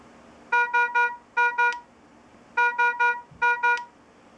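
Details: Philips IntelliVue MP70 patient monitor alarm: repeating bursts of five short, loud tonal beeps in a three-then-two pattern, a high-priority alarm.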